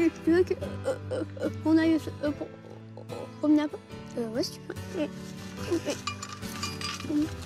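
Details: Stuttering lasting for years in an 11-year-old boy, not resolved by speech therapy and child psychiatry, during a 3-day breathing-based stuttering course in Paris.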